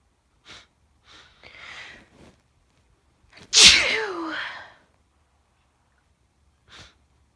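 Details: Sneezing fits after sniffing Chhinkni snuff in the morning: one loud, sharp sneeze with a quick inward breath before it, between short sniffs and breaths in a quiet room.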